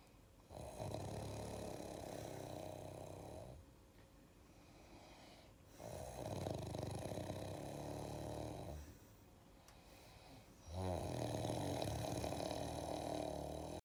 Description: Couple in Adachi, Japan snoring together.